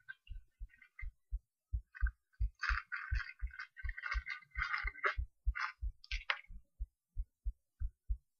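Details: Heartbeat recorded through a cheap acoustic stethoscope: regular low thumps at roughly 130 a minute, with rustling and scraping stethoscope noise in the middle.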